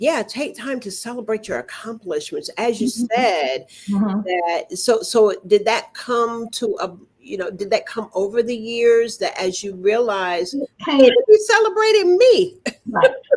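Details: Adult speakers in an interview conversation; Ordinary conversational speech.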